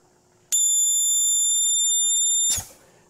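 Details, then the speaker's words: Oxygen nasal cannula bubbler humidifier with its outlet deliberately blocked to test the pop-off valve in a demonstration: loud steady high-pitched whistle for about two seconds, then stops as the pressure relief valve sounds. "so there's the sound you don't hear every day so activating that pop-up valve is kind of neat"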